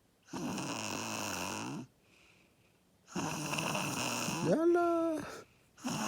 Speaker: Hey guys, Ponchi is sleeping. He's snoring like a pig.